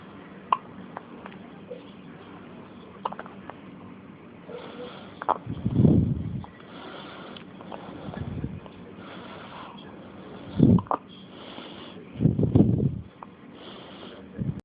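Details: Infant hiccups: short, abrupt gulping sounds recurring every few seconds over low background noise.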